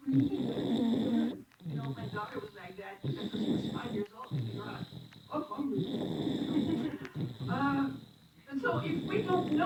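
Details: Loud, rough snoring from a sleeping infant (a very young baby) who fell asleep in church, with steady hum and chatter in the background; snoring.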